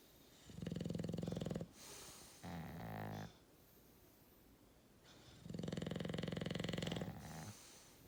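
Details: Loud rattling snores on the in-breath with a shorter snort between them, quiet room, in a snore-off. Snoring.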